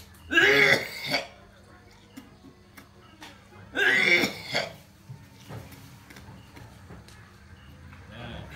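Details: Two harsh, forceful, wet, throaty coughs a few seconds apart with quiet room noise between; the cough and tormenting shortness of breath are attributed to "racun palupuah," a claimed Minang sorcery poison placed in food; cough.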